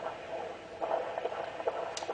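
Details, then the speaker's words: Fetal heart tones on handheld Doppler over a pregnant abdomen. Rapid whooshing pulses at roughly 140–146 beats per minute, a normal rate. The baby is turning and moving away from the probe. "as the baby gets bigger you may be able to count for 15 seconds but as you you've noticed this is a turn baby and he's already he or she has already um moved away and I have to reposition so usually counting for 15 seconds is about all that you'll get and this baby's heart rate is running in the 140s"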